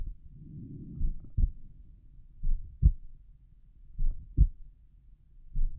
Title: Relaxed pulmonic valve heart sounds